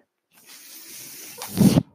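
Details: Mechanical ventilator breath sound heard while its user speaks: a steady airy hiss of delivered airflow builds, then ends in a louder, lower whoosh as the cycle finishes.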